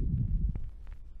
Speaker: El primer paciente es una niña de 10 meses de edad con bronconeumonía, donde se pueden oír crepitantes finos, roncantes gruesos ocasionales, respiración bronquial.